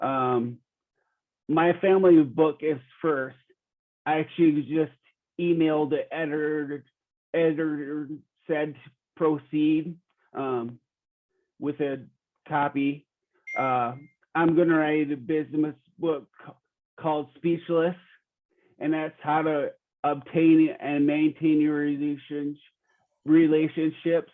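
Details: Real 45-year-old man with rare (under one in a million) primary progressive apraxia of speech; knows the words but they don't come out clearly; speech declining since a previous interview months earlier; apraxia of speech.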